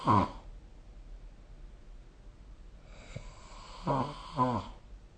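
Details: Adult snoring recorded with the SnoreLab phone app: short snorting snores during sleep, separated by quiet pauses.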